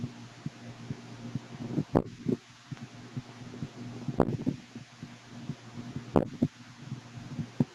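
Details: Infant hiccups: three sharp, jerky hiccup sounds about two seconds apart over a quiet background.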